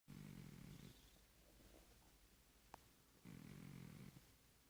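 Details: Napping at midday with a new snore: two low, rumbling snores about three seconds apart, with a faint click between them.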